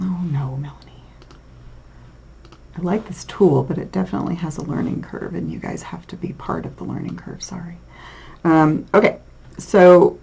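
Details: Adult lecturer; normal speech.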